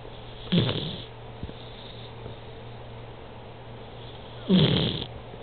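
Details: Two snorting, rattling snores about four seconds apart over a steady background hum: snoring during sleep.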